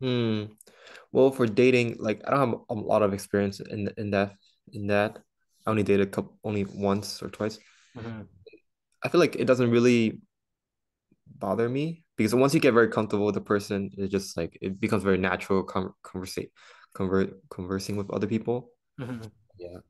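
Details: Stuttering in a man who stutters and attends stuttering support group meetings.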